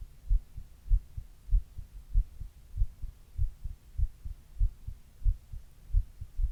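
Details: Steady, low, regular two-part heartbeat at about 95 beats a minute, the recorder's own heart recorded while reading a book; normal heart sounds.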